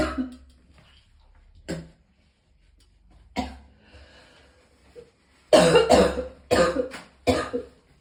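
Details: Person in severe pain who had vomited several times gives a few isolated coughs, then a run of four harsh coughs close together in a quiet room; cough.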